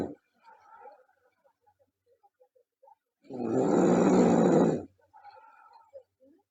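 A long, loud, rumbling snore on breathing in, with quiet clicks and soft breath sounds around it; heavy snoring.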